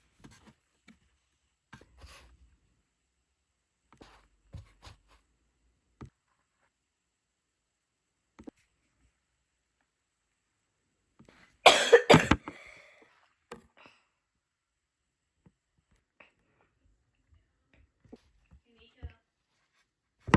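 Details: Quiet room with scattered small clicks, then one brief, loud double-burst cough from an adult at the end of a recording.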